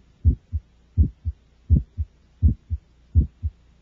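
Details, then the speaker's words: Systolic ejection sound from the aortic or pulmonic valve in a child: regular heartbeat near 83 a minute with a sharp, high-pitched early sound just after S1; loudest on expiration, heard with the stethoscope diaphragm. "the systolic ejection sound generated by the aortic or pulmonic valves is a frequent finding in children and is loudest during expiration the sound is high pitched and best heard with the diaphragm of the stethoscope"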